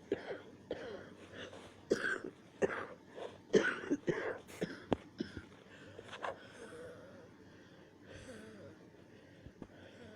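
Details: Hard coughing and sneezing, so rough the person was nearly choking: about a dozen short, sharp bursts in the first five seconds, then quieter breathing.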